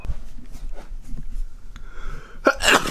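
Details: Quiet breathing and room noise, then one sudden explosive sneeze near the end after looking into bright sunlight; photic (sun) sneeze reflex.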